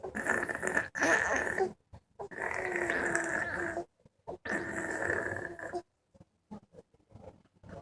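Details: Chai snoring and rolling in sleep: long, rough, rattling breaths with short silent gaps between them.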